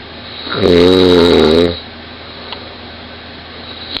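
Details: 20-year-old woman snoring very loudly in bed, recorded close beside her: one loud, buzzing, rattling snore lasting about a second over room noise.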